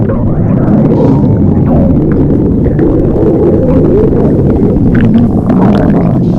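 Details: Loud, continuous low rumbling with wavering, gliding gurgles throughout: stomach growling (borborygmi).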